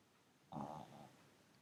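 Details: Pug asleep on a sofa: a single short, rough snorting snore from a sleeping flat-faced dog in a quiet room.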